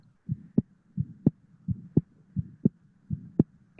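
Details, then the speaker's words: Metallic prosthetic aortic valve in a short-case teaching recording: regular heartbeat about 85 a minute. Each softer first sound is followed by a sharp, high-pitched clicking second sound, the metallic closure of the prosthetic aortic valve. "And similarly, aortic में जो second heart sound होगी, that will be metallic. इसमें अगर आप appreciate करें तो जो second heart sound है, that has that metallic touch to it."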